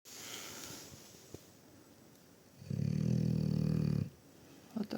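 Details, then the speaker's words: An old dog sleeping under a Christmas tree gives one long, loud, rattling snore on a breath in after a quiet stretch of room noise: snoring. "у нас Боренька храпит. Да, Борь."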